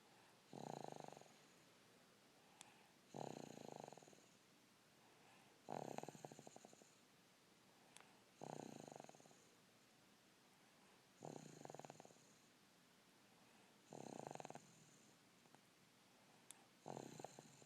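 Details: Snoring while dozing: regular rattling snores on each in-breath, about 23 breaths a minute, with quiet gaps between them.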